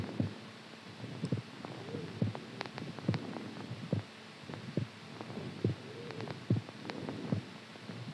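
Low, thudding beats repeating at about 70 a minute over a soft hum; an ordinary heartbeat.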